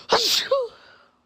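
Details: Black woman during a sneezing fit: a single loud sneeze, a sharp breathy burst with a short voiced tail.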